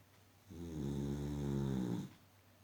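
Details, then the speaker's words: Boxer dog asleep and snoring for the past hour: a single loud, rumbling, buzzy snore lasting about one and a half seconds; ordinary snoring. "loud snoring and sleeping. From last 1 hour, she's snoring and sleeping."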